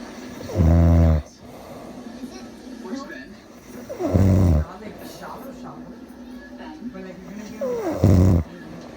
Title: My dad is snoring.